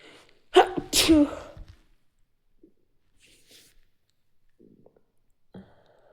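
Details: Stifled sneezing: two quick sneezes in a row, then quiet breathing; a sudden reflex burst of air.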